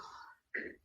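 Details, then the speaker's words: Woman with Tourette's/tic disorder (tics worsened after a seizure), coughing vocal tic that sounds like throat clearing: two quick sounds, a harsh hum then a short gritty burst. "i have this week coffin chick where like most of the time it just sounds like i'm clearing my throat and it's fine"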